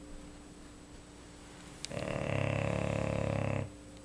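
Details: Female English Bulldog asleep: quiet room, then one long, loud, rattling snore lasting about two seconds with fast fluttering vibration; very loud, heavy snoring.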